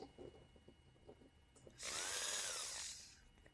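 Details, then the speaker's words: Demonstration of a fully guided crestal sinus lift kit on a model: quiet room sounds, then about a second of high whining drill noise as a safe-ended sinus bur cuts just through the sinus floor. "let me just grab a different drills so that you can see how this looks without the membrane in place"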